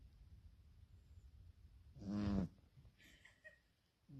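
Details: Snoring from a cat. Finding: snoring.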